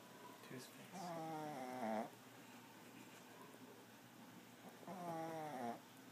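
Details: 8-year-old settling for the night after a 2-mile walk and half a steak, snoring hard: two drawn-out, rumbling snores, each ending in a rising whistle-like tone; heavy snoring.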